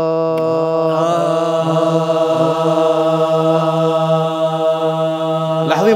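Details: Steady sustained sung note without tremor, sung after vocal warm-up exercises; listeners judge the voice clear with no shake.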